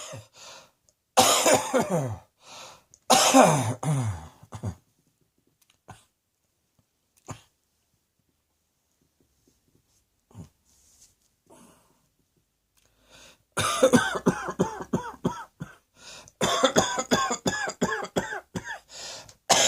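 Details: Two bouts of rapid repeated coughing separated by a long quiet gap, with a few faint breaths between.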